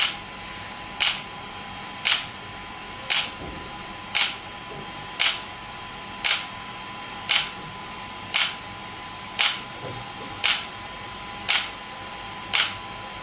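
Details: Shockwave therapy device (SW5S) firing during treatment, gel applied: sharp, regular clicking pulses about one per second over a steady machine hum.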